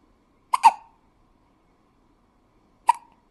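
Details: Newborn baby, 2.5 days old, with hiccups: three short, sharp hiccup sounds, two close together and one a couple of seconds later, in a quiet room.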